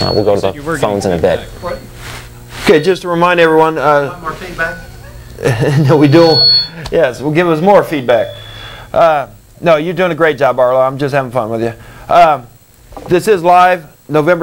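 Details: Adult male speaker in a small studio; normal voice.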